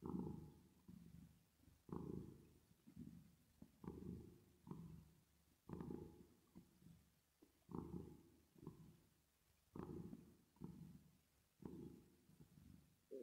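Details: Cat purring, with added reverb effect: soft, low rattling rumble swelling with each breath, about 30 times a minute.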